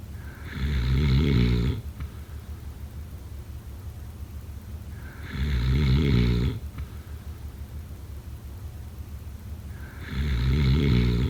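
Regular deep rumbling snores on each breath in, about 11 a minute, with soft breathing between them.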